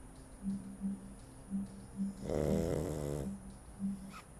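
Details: Sleeping dog after eating, snoring: one long, rattling, throaty inhalation snore amid soft regular nasal whistles.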